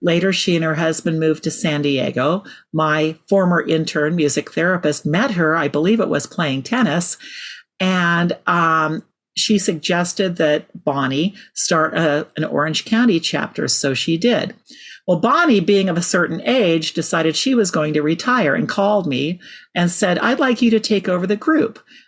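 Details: Adult woman speaking; Normal speech.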